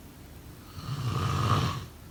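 A single low, rattling snore on a breath in, rising and fading over about a second, during sleep.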